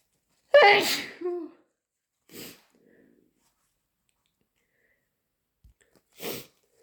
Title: Inducing with my cold (sneezing and blowing)